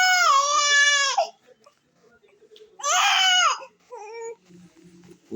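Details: Crying of a 3-month-old baby girl: loud, clear wailing in two bursts with a softer whimper, and quiet adult voices comforting her in the background.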